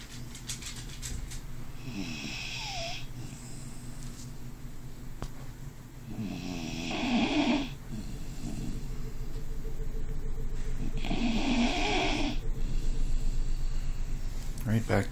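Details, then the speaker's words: Dog with a very loud snore, even when awake: repeated rough, throaty snores in long drawn breaths about every four to five seconds over a low room hum. "You're snoring, buddy. You're awake, I know you were. Chaos. You were snoring."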